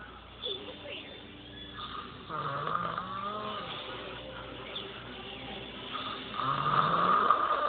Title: Snoring banshee daughter